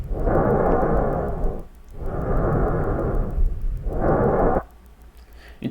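Loud, harsh, hollow breath noise with a short pause between breathing in and out; a normal bronchial breath sound over the main airways.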